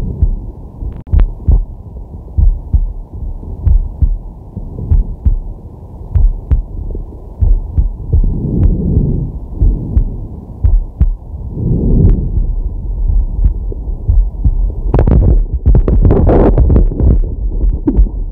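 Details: Man's heartbeat via digital stethoscope on the chest while relaxing/sleeping: low muffled thumps about 48 a minute, somewhat uneven, with slow breaths rising and falling; normal heart sounds.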